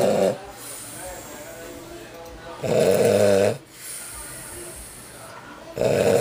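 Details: Loud, rattling snores about every three seconds with quiet pauses between them, from an overweight man snoring on Christmas Eve night 2010.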